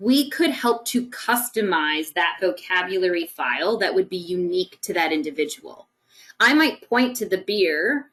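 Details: Adult woman speaking; normal speech.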